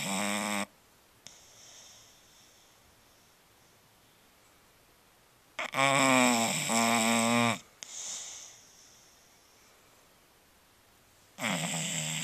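Loud, rough, buzzing snores on each breath, separated by quieter breathing; dog snoring.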